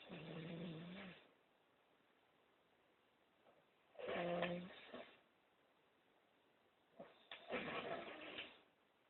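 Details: Snoring.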